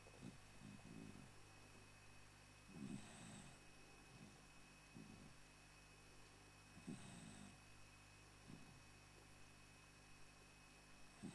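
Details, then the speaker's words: Zak, an elderly rescue dog, snoring like a trooper: soft, low, rumbling snores with breathy puffs about every four seconds under a steady background hiss. "You snore too much. That was never on your adoption papers."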